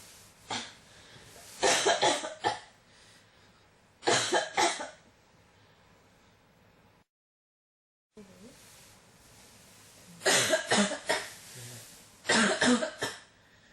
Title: 咳が止まらない 15 cough